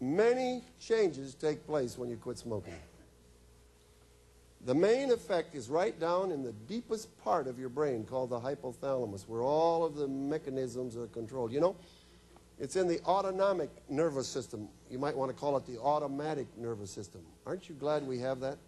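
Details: Adult male speaker; ordinary speech.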